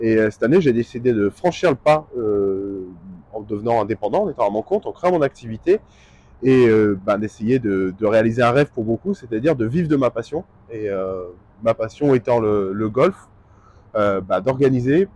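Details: Adult male speaker; normal speech.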